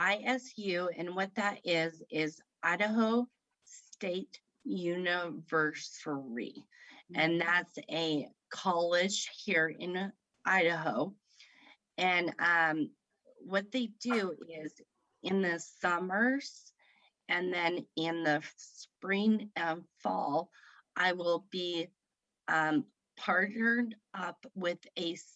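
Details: Woman with aphasia after a stroke at age 38 in September 2018 that affected her right side, speaking about 3 years after onset; aphasia.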